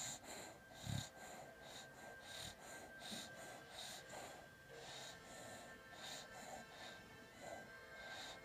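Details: A sleeping pet in bed, seemingly dreaming, snores with quick, rhythmic noisy breaths, soft whistling and snuffling.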